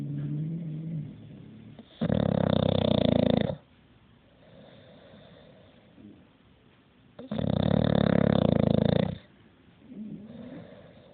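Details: Dog snoring in sleep: loud, low, rattling snores on each breath in, about two in ten seconds, with quiet breathing between them.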